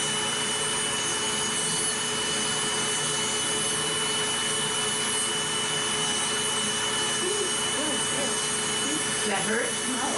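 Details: Steady high-pitched whirring and grinding of a podiatric nail drill reducing routine, not thick, toenails during preventive foot care, with faint music in the background.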